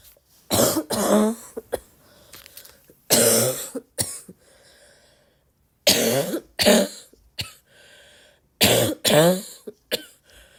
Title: sickgirl congested barky cough 🤧 - please tell me the parts you enjoy the most